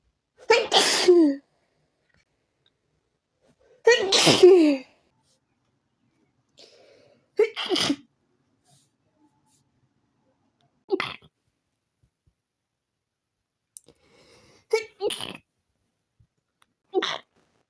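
Seven sharp, explosive sneezes in a quiet room, some in quick pairs: a bout of repeated sneezing.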